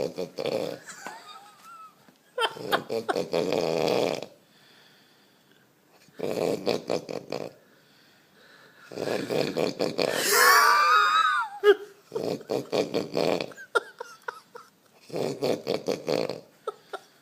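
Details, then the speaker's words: Adult man asleep after drinking, snoring: rattling, fluttering noisy breaths in bursts with quiet pauses, one whistling squeak; described as a big snore. "That's a big snore."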